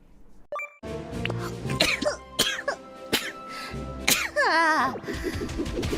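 Several short coughs and throat clearing, mixed with laughter over background music.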